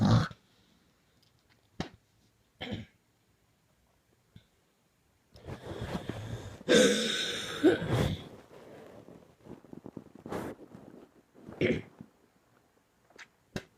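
Scattered coughs build into a long run of harsh coughing with throat clearing and strained breaths, then taper off.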